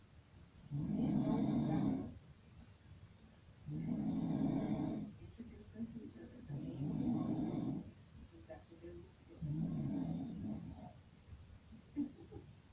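Four loud, harsh, rumbling snores, one with each breath, about every three seconds, with quiet breaths out between them.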